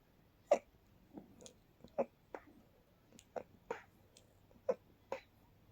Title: Quiet, very stifled night sneeze attack